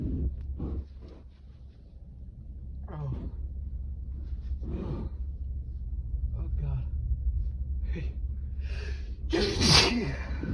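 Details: Adult male's intense sneezing fit: gasping in-breaths and strained groans after a strong nasal tickle build to a loud, explosive sneeze over steady room hum.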